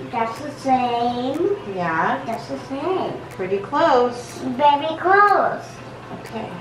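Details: Echolalia in a 7-year-old girl diagnosed on the autism spectrum, repeating phrases.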